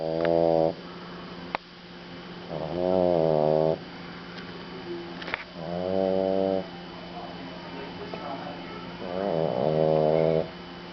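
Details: Mugsy, a French Bulldog, fast asleep: loud, buzzing snores with each breath, about four in ten seconds.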